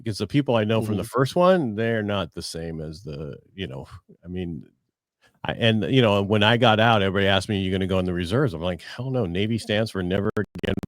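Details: Adult man; typical speech.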